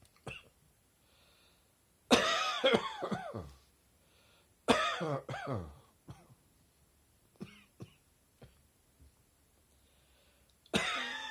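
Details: Adult's summer-morning allergic cough, with airborne particles in warm weather tickling the throat and chest: repeated short coughing bouts with throat clearing.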